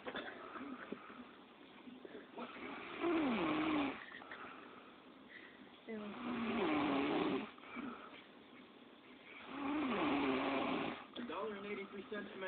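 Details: Snoring in a woman: loud rattling snores in regular cycles, about 17 per minute, with quieter breathing between them.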